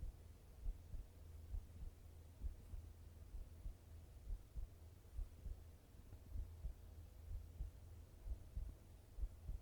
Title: 心音ASMR/heart sound